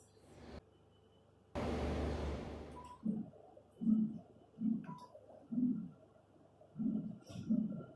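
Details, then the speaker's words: Lower-limb arterial Doppler distal to common femoral obstruction and popliteal occlusion with collateral recanalization: soft, low-pitched, muffled pulses with slow, delayed systolic rise; typical parvus tardus pattern. "Y ahí se ve el típico patrón parvus tardus. El patrón bien enlentecido, de bajas velocidades, de retraso en el ascenso sistólico."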